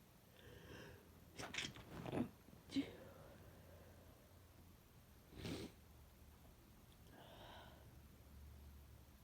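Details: Adult with a cold that began the day before, an extremely sensitive nose and heavy congestion, inducing sneezes: a few sharp, explosive bursts with breathy catches between them, repeated sneezing.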